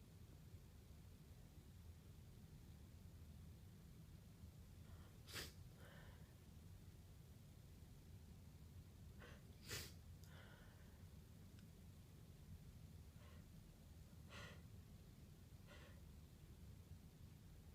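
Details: Messy sneezes with hitching and snorting, plus breathy nasal blowing over a low room hum. Traces of chhinkni (sneezing) powder are noted on the handkerchief.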